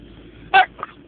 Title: New sneezes